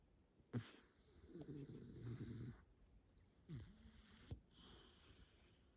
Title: Times like this I hate to wake him but I can’t sleep in this position. He definitely snores 😂